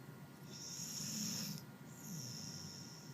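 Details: Sleeper snoring and twitching: soft, quiet snoring breaths with a faint whistling hiss on inhalation.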